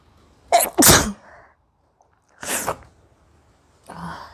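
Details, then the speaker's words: Woman's sneezing challenge: sneezes deliberately provoked by smelling pungent garam masala; sharp intake and loud explosive sneeze, a second sneeze two seconds later, then a soft sigh. "तो मुझे 8 चीखें आ गई अभी तक गरम मसाले से। बहुत ज़्यादा तीखा है ये, मतलब मेरे से भी ज़्यादा।"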